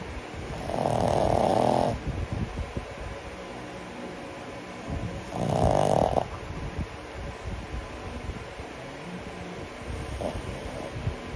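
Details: Two long, loud rattling snores a few seconds apart, then a fainter one, from a sleeping 10-month-old pug: snoring.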